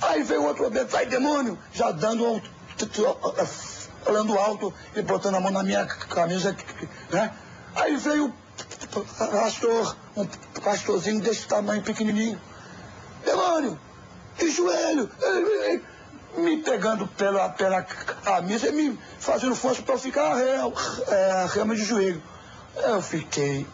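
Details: Adult man who sought a cure for his stutter at a church and still stutters; stuttering.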